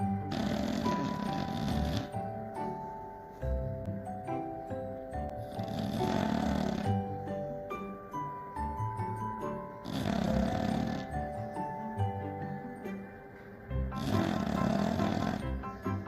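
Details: English bulldog snoring, as it habitually does every time it sleeps; loud, rough bursts about every four seconds over steady background music.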